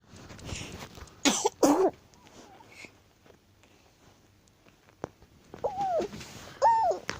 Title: Try not to laugh Baby sneezing fit funny